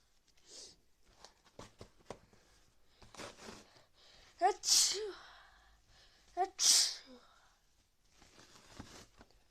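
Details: Person with a cold and fever after time outdoors in rain: quiet room with soft breaths, then two sharp sneezes, each preceded by a quick indrawn breath; sneezing.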